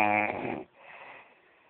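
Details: Snoring from a person sleeping deeply in Mauá: a single brief, rattling snore fading into a soft outbreath.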